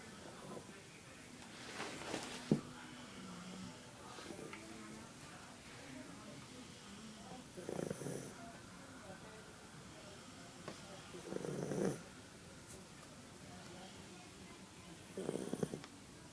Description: My dog and my dad are snoring while they sleep in this storm